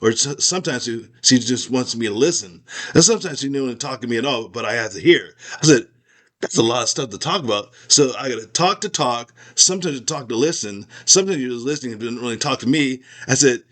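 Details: Aphasia in a man after a stroke; part of his skull was removed during recovery.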